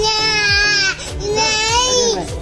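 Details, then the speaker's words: Infant pain cry during a first vaccination visit, a hepatitis A vaccine given in the arm: two loud, high-pitched, sharply distressed wailing cry bursts. "और यह जो time है ना यह बहुत मेरे लिए जानिल रोता है सबसे टफ होता है क्योंकि देख के मुझे तकलीफ होती है"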